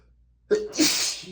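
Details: Adult male with dust allergy sneezing while reading aloud from a dusty book; a single sharp sneeze with a brief voiced onset and hissing blast of air.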